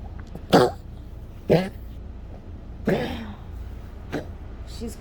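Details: Several harsh, dry cough bursts during a bad 3am coughing fit in a Yorkie with rapidly collapsing trachea; honking cough of tracheal collapse, fits becoming frequent.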